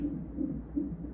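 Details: Rapid, soft whooshing pulses, roughly 140 to 150 beats a minute, from a belly fetal monitor at 41 weeks of pregnancy during hospital admission for Cervidil induction after an uncomplicated pregnancy; fetal heartbeat.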